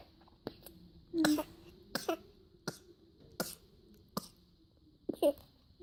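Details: Breastfeeding baby boy, teething, at day 193, coughs and chokes during a feed while mother urges him to slow down: several brief sputtering coughs and gulping sounds, typical of choking on fast milk flow.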